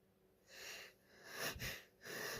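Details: Female, with sneezing she thinks is from allergies or hay fever: quiet, shaky, breathy false starts and a sharp expulsive puff, a sneeze or stifled sneeze attempt.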